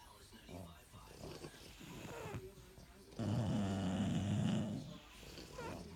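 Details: Sleeping bulldog: soft, uneven breathing noises, then one loud, rough, rattling snore lasting under two seconds; snoring.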